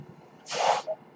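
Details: The speaker's own ventilator, running during his podcast: a single short rush of hissing air ending in a faint soft blip over quiet room noise; one mechanical ventilator breath cycle.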